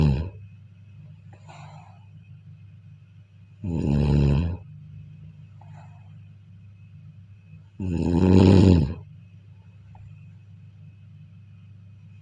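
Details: Snoring during sleep: loud, rattling snores on each breath in, roughly 14 a minute, with quiet breathing and a faint steady hum between them.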